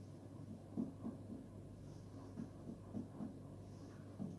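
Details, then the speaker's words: Abdominal percussion over the abdominal wall: short hollow taps giving a resonant, drum-like tympanic note, normal in this patient. "Suara dari perut pasien terdengar timpani yang mana itu normal."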